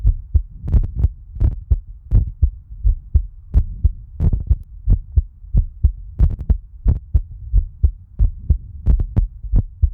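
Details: Steady, deep thumping heartbeat at about 90 beats a minute; normal rhythm.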